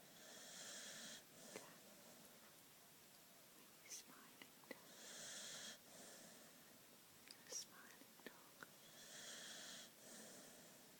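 Soft, airy, whistling breaths repeating every few seconds, with small sniffs and clicks between them: light snoring from a small dog.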